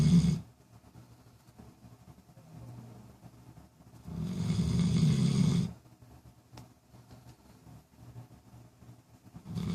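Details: Sadie, a female pet, snoozing days before later seizures: deep, rumbling snores roughly every four to five seconds, with quieter breathing between, in a quiet room; snoring.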